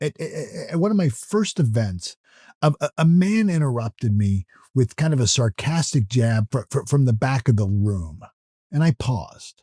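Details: Adult male who self-reports that he stutters or stammers, with repeated words in his natural speech; stuttering.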